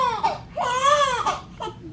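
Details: Short, high-pitched wailing cries with brief catches between them from a newborn baby boy; an ordinary newborn cry.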